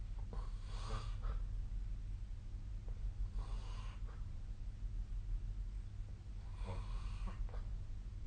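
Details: Sleep snoring recorded on the night of 2024/12/22: three low, rumbling inspiratory snores roughly every three seconds against a steady room hum.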